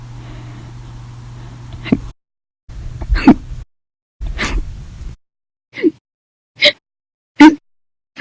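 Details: Run of violent, loud hiccups after eating and drinking soda, lasting over 13 hours: about six abrupt, sharp vocal jerks at irregular intervals of under a second to about a second; audio only.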